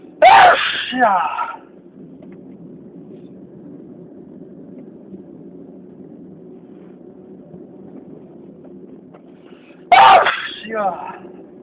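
Two forceful sneezes about ten seconds apart, with quiet room noise between them. This is repeated sneezing.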